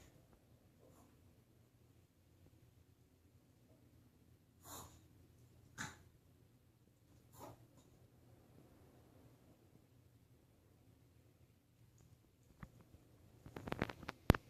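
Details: A small dog has what is described as a severe episode of reverse sneezing, giving a few sharp snorting breaths in a quiet room.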